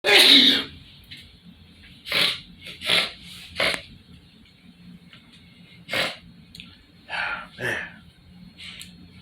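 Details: Male, possibly with seasonal allergy (only speculated), sneezing in a bathroom with snot: one loud explosive sneeze, then several shorter breathy bursts and sniffs in a quiet small room.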